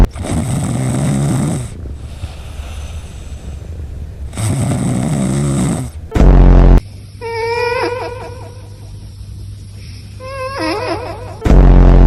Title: The Sound of a Cat Snoring While Asleep💀